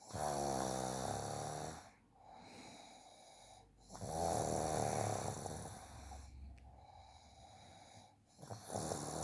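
Loud, rough, rattling snores on breathing in, separated by quieter breathing out, with about three cycles heard. Snoring.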